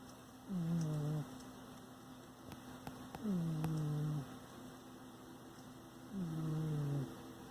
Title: Jingles snores